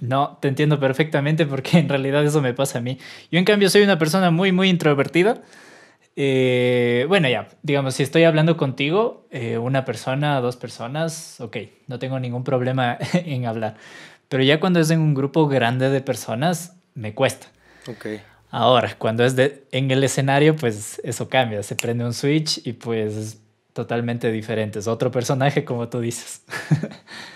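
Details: Adult man speaking Spanish; ordinary fluent speech.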